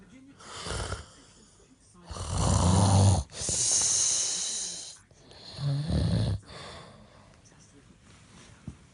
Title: Snoring(1)